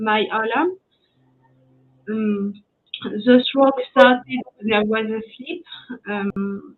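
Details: French woman with post-stroke aphasia after an ischemic stroke at age 22 in 2011; she was mute for 10 days, had a year of rehabilitation, spoke very badly even in French, and is still recovering; speaking English here.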